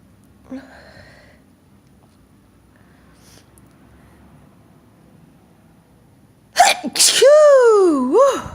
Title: Variety of sneezes, finger under nose